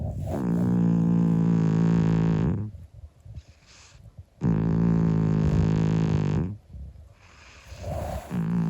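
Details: A 25-year-old calico cat sleeping and snoring: long, droning, humming snores of about two seconds each, with quiet gaps between breaths.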